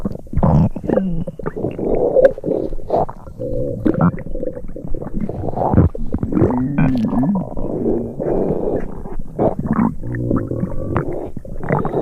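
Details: Simulated stereo sound effect of an upset stomach: continuous low gurgling, bubbling and growling rumbles. Stomach rumbling.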